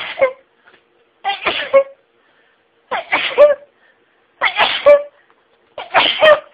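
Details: Sneezing fit that started slowly, with stifled sneezes intensifying nasal tickling until the sneezing became rapid and breathtaking: five forceful sneezes in quick succession, each with a sharp intake before it.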